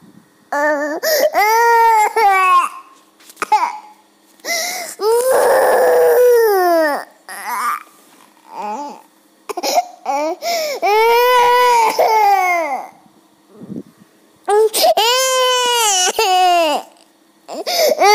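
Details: Loud wailing crying of a two-year-old boy in long sobbing bursts with gasping breaths between, in a small room; child crying.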